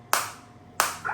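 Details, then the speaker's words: Biotronix focused (not radial) shockwave therapy device demonstrated on the operator's own hand, intensity range 1–15, frequency being lowered: two sharp, slapping pops about 0.7 seconds apart from the focused shockwave applicator firing at low frequency. "I can go up to 1 to 15 so I can't tolerate the same on my hand because this is a [applause] focus shock wave"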